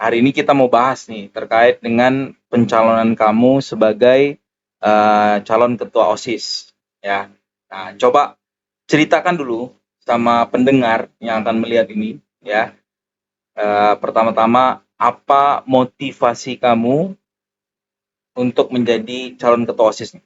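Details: Adult male speaker; normal speech.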